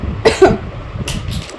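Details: Two quick cough bursts from an ill adult woman with a sore throat and hoarse voice, followed by quieter breathy sounds in a small room.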